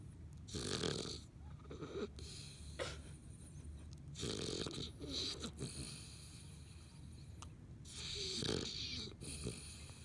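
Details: Small one sleeping with tongue out: loud, rough snoring in repeated cycles, about three snores across ten seconds, with snorting noise on each breath; snoring.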